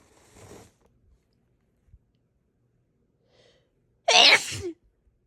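A soft hissing intake, then one loud, explosive sneeze burst with a wet spray quality, followed by quiet.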